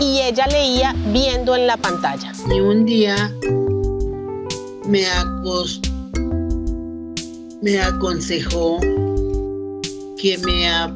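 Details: Older woman with Broca's aphasia after a stroke, discharged home from the clinic; Broca's aphasia.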